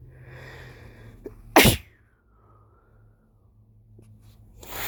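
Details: Male with a lingering illness, induced sneeze: a brief inhale, one loud, wet, explosive sneeze, then quiet and a sniff.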